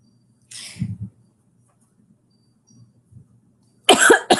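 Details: Two brief harsh coughs with a soft low hum between them; cough from a livestreamer with a flu-like illness, body aches, burning eyes and a raspy voice.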